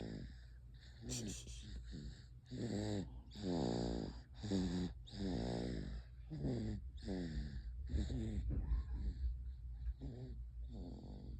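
Repeated rough, rumbling breath noises, several per breath in an uneven rhythm, with a low hum in the background: a dog snoring.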